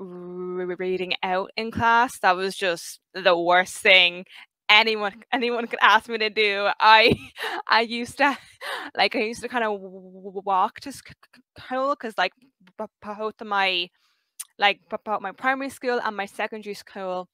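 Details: 23-year-old who has stuttered since about age five; stuttering.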